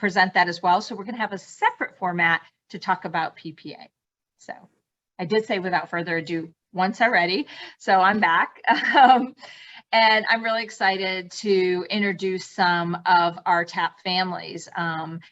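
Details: Adult woman speaking; no speech disorder.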